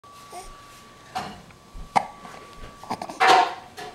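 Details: A 12-week-old baby has ordinary infant hiccups: short, abrupt hiccup catches over a steady faint background tone.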